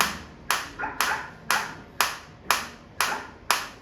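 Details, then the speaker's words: Focused shockwave therapy applicator on the operator's hand, intensity raised to level 8 and beyond, felt deep in tissue: sharp snapping clicks at a steady two per second, each with a short decay. "देखिए यहां eight में आपको जो difference feel हो रहा है one के मुकाबले और मेरे को भी पूरी अंदर तक ये फोकस फील हो रही है।"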